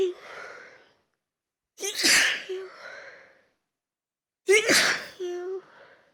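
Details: Huge sneezing fit brought on on purpose by taking chhinkni after a long break: a series of sharp, forceful sneezes, each with a quick intake of breath first.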